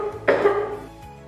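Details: Single short muffled cough, acted, in a hospital demonstration of cough and sneeze etiquette (cover with a mask, the inner upper arm, or a tissue), with steady background music throughout.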